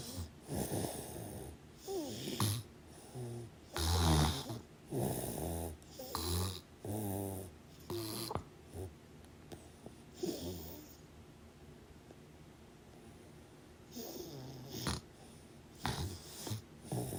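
Irregular rattling, snorting breaths during sleep with pauses between bursts; snoring.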